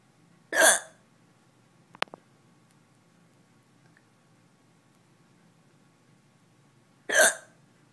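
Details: Hiccups: two sharp, abrupt gulping hiccups about six seconds apart in a quiet room, with a faint click between them; typical hiccups.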